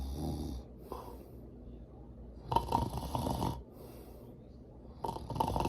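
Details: Sleeping person at granny's house: loud, rough, rattling breaths in bursts with quieter stretches and some room noise; snoring.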